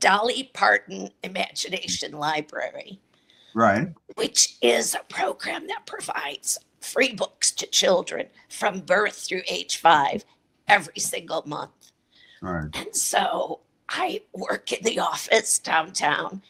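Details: Adult woman with a chronic voice disorder; dysphonia.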